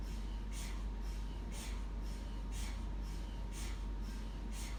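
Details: Deep constant rumble with regular hissing pulses about once a second: a looped recording of the rhythmic knocking noise of an MRI scanner.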